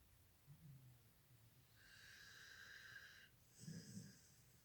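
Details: A soft, low snore, then a drawn-out, high whistling breath and another snore: snoring with whistling breath through a narrowed airway.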